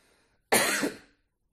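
A single abrupt adult cough with a harsh, noisy burst that fades within about half a second.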